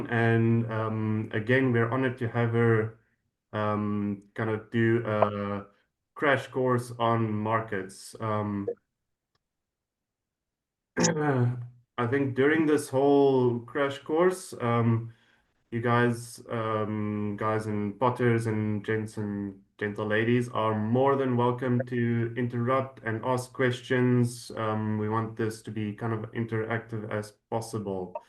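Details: Adult male speaker; Normal voice.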